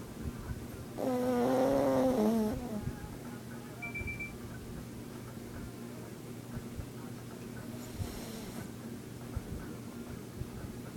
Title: My dog snoring